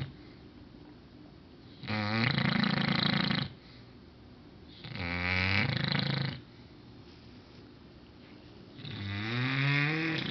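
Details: English bulldog: very loud, rattling snores with each inward breath, about one every four seconds, in a small room; snoring.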